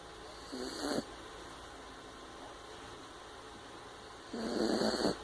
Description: My puppy snoring !